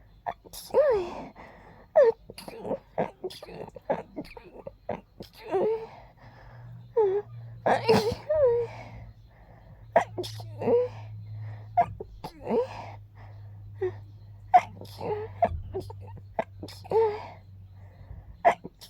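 Many short, breathy bursts with quick gasps in between, some sounding like small stifled sneezes, over a low background hum.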